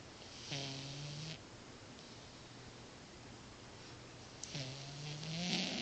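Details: Cat snoring during sleep: two drawn-out, buzzy, low-pitched breaths about four seconds apart.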